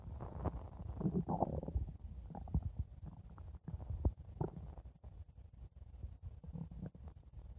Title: stomach growling 4 minutes